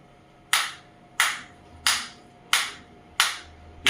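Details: Sharp, evenly spaced snapping shots at about 90 a minute with a faint steady hum from a high-energy focused (not radial) shockwave therapy applicator firing after water fill.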